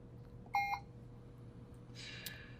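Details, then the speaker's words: Puritan Bennett 560 ventilator keypad beep while setting breath rate in a volume-based mode: short electronic beep from a button press (enter/accept), brief rustle, quiet machine hum. "So I'll press the enter button there, and once again I can adjust the rate, with my final step being the accept button here."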